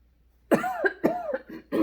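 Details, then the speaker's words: Adult in March 2020 whose fever and cough have returned, possibly COVID-19; only symptoms are dry cough and mild pleuritic rib pain on deep inspiration; a run of about four short, harsh coughs without mucus rattle; dry cough. "so yeah my only symptoms are that dry cough my ribs hurt a little bit a little bit of pleuritic pain with deep inspiration but nothing horrible"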